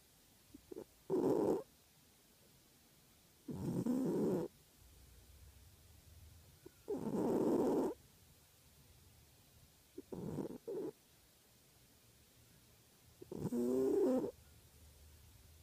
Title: My cat Pinky, snoring the afternoon away.